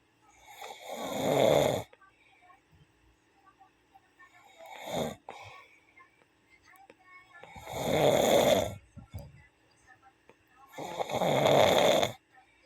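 Four rough, throaty snores, one with each breath, about 18 breaths a minute with quiet pauses between; ordinary snoring.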